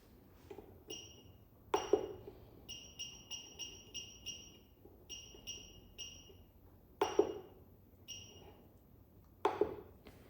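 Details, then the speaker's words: LCS 191 laser therapy physiotherapy machine at startup: short high keypress beeps in quick runs with a few louder knocks as the knob is rotated and pressed to enter each password digit. "To enter the password, rotate the knob to select each number one by one and press it to confirm each digit, like this."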